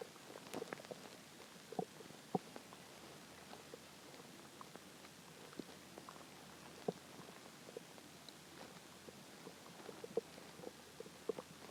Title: more hungry stomach growls